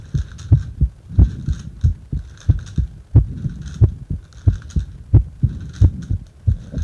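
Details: Heart sounds recorded while breathing into a paper bag: regular low heartbeat thumps at about 90 a minute.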